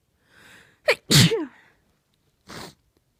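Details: Female, uncovered sneezes: a soft in-breath, then a powerful, sharp, explosive sneeze with a voiced 'achoo' and a brief breathy exhale; single uncovered sneeze.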